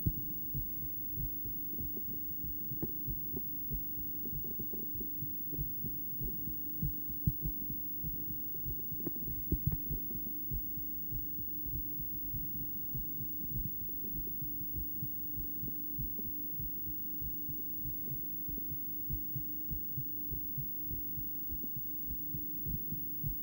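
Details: Heartbeat of a female on Doppler ultrasound: rhythmic, low whooshing beats at about 98 a minute over a steady electrical hum.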